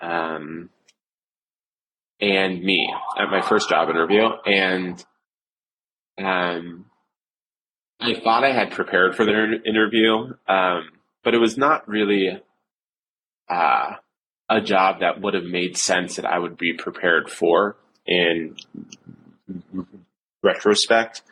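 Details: Stuttering in an adult male cantor with blocks, repetitions and secondary facial behaviours, severe since age seven.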